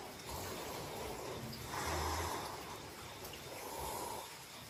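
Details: Snoring to help fall asleep: slow, soft, rough sleep breaths with a low snoring rumble on one breath, over steady background hiss.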